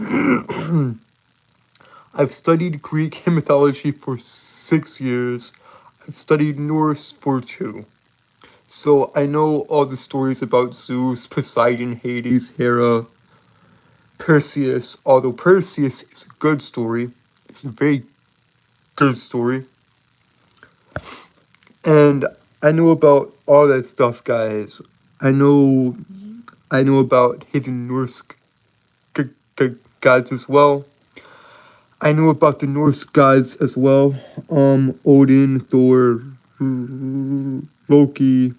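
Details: Adult male streamer with a self-reported speech impediment causing stuttering and tripping over words, with frequent phrase repetitions; stuttering.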